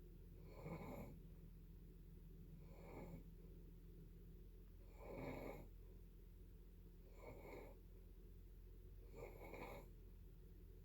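Soft, rhythmic rasping snores about every two seconds, roughly five in eleven seconds, over a steady low room hum.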